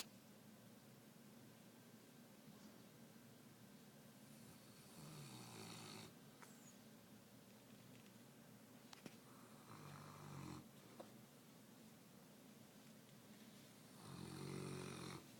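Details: Saint Bernard puppy snoring: in a quiet room, a few rough, rattling snores on breaths in, spaced several seconds apart.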